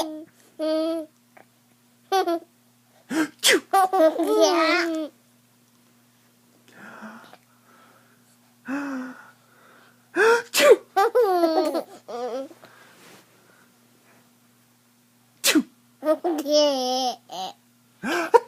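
A few sharp sneeze bursts, each followed by a young child's high-pitched laughter and babbling.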